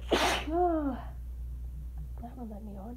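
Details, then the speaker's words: One forceful sneeze followed by a drawn-out voiced groan and short moan, during an allergy attack after waking from a nap, with eyes watering heavily; the sneeze was announced just before. "Oh, hold on, I feel it now. Oh, I'm gonna sneeze."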